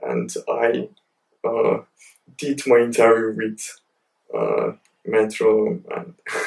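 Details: Stuttering (stammer) with blocks and pauses in an adult male PhD student who describes his stammer as heavy.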